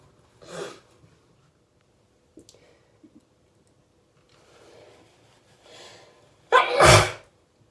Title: Crazy hayfever sneezes that kept coming!